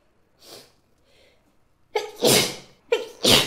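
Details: Two soft intakes of breath, then two loud sneezes in quick succession, each with a brief catch before the explosive burst: ordinary sneezing.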